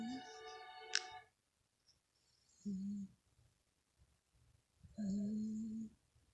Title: Cat snoring